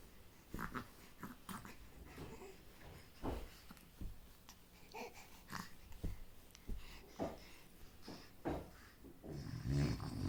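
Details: Dog snoring while asleep: low, rough snorting breaths recurring irregularly with faint wheezy tones against room noise.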